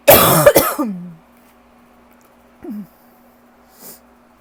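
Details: Rough allergy cough in a person who has been coughing all day with a super tight chest: a harsh burst of two or three rough coughs, then a groan and quiet breaths.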